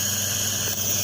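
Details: Child receiving nebulizer steam therapy for cough in hospital: steady hissing, whirring noise of the running nebulizer.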